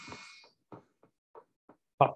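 Brief hiss, then short sharp clicks firing at a fairly regular pace of about three a second, like rain on a roof: fibrillation potentials on needle EMG.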